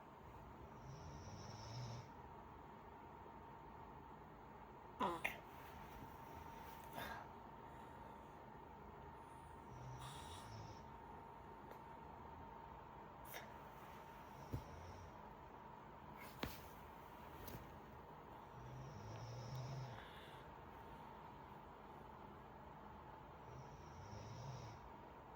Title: wheezing